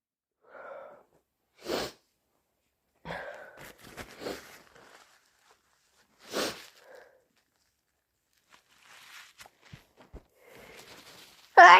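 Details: Induced sneezes: several loud, harsh, wet, sharp sneezes with thick sniffing, nose blows and breathy in-breaths between, then a closing burst.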